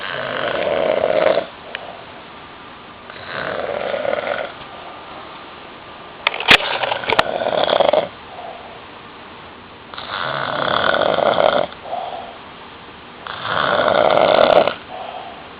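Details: Adult man snoring very loudly during sleep: harsh snores on each in-breath, about 18 a minute, with quieter out-breaths; snoring.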